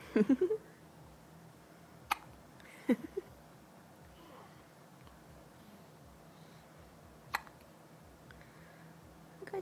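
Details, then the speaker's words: Female with hiccups that began while she was yawning, described as bad: short, abrupt clicks, about four in ten seconds, over quiet room noise; hiccups. "at the hip-ups. You got them bad. She got the hiccup while she was yawning."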